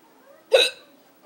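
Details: Person with hiccups after failed attempts to stop them (drinking water upside down, holding breath); a single sharp, abrupt voiced gulp-like hiccup in a quiet room.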